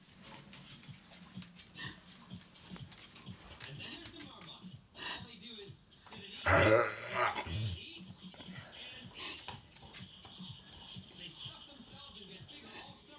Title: Wednesday Sandy with kennel cough